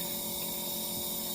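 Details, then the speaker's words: Brief, steady hissing whir of the nebulizer in a UC-2007-2 animal ICU pet incubator, switched on by its timer and producing mist for respiratory treatment. A normal device sound. "nebulizer and once you turn the timer you can hear the noise and you can see the canyon mist cat kid is telling you there's a mis mister coming up so that's the nebulizer for the raspberry system problems okay"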